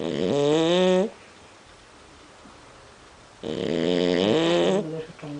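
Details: Dog semi-asleep and dozing, which the owner says is not really sleeping, gives two long, loud snores with a buzzing, humming tone, separated by a quiet pause: snoring.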